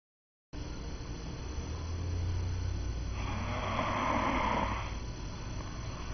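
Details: Snoring from a sleeping man.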